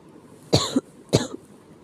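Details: Sick cough: two short, harsh, throaty coughs about half a second apart in a quiet room.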